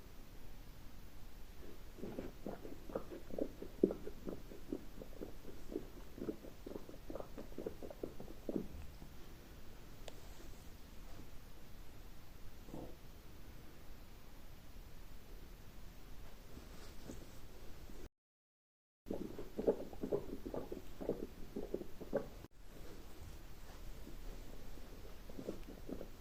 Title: Colon Therapy CB part 2 | Stomach noise 🫧